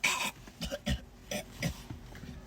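A sharp, explosive sneeze-like burst followed by several short throaty coughs; sneezing and coughing.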